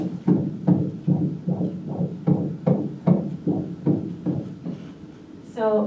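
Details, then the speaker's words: Rapid regular whooshing beats, about 150 per minute, on transvaginal ultrasound of a real embryo about six to seven weeks, blueberry-sized; fetal heartbeat, said to be detectable from about five weeks. "the fetal heartbeat we can hear that very very early and we call that five weeks"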